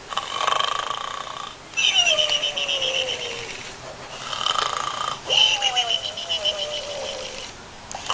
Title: Arnold the snoring pig